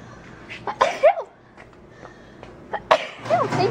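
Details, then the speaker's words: A woman sneezing: two sharp, explosive sneezes, each preceded by a quick indrawn breath, separated by a quiet pause. "okay powered I feel a little better I'm gonna sneeze yeah excuse me geez yeah okay oh my god I think I'm done geez"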